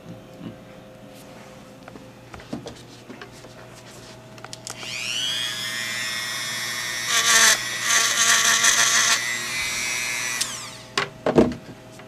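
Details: Dental drill, high-pitched whining in bursts, grinding down a plastic oral splint to lower the left side while fitting it for a 22-year-old male with Tourette's since age 7; faint room noise.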